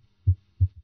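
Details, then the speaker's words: Third heart sound (S3) with stethoscope bell placed lightly over the apical impulse; soft low-pitched extra thud after S2 that disappears with firmer bell pressure. "if the patient had an audible s3 it would sound like this now notice how the third heart sound disappears when the Bell is placed more firmly on the chest wall"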